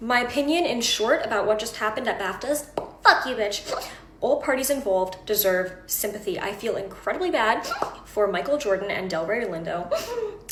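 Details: Coprolalia: involuntary obscene vocal tics interrupting speech in a female with Tourette syndrome, onset around age 13-14, who also has echolalia and late-diagnosed autism.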